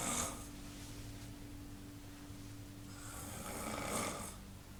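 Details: Snoring: a sleeping adult makes two rough, breathy snoring breaths, with a low steady room hum behind them.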